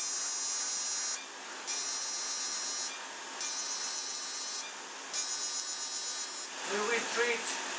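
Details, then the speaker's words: Fractional CO2 laser (DeepFX) resurfacing of acne scars in a dark-skinned patient, energy reduced to 15 mJ at the same density for the forehead, chin and nose. Bursts of high, rapid buzzing pulses about a second long, with cooling running. "I will reduce the energy to 15 m and I will treat the forehead, the chin and the nose."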